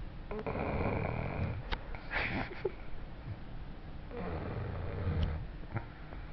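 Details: Sleeping person giving low, rough rattling breath sounds repeating with breathing over a noisy background; snoring.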